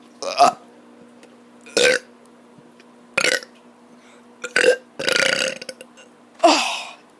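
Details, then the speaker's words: Kid deliberately burping while tired after running a lot: six loud voiced burps over about seven seconds, some drawn out, in a quiet room; voluntary belching, followed by hiccups. "oh god there's no reason sometimes reps gives me hiccups i don't know why oh god i got the hiccups now"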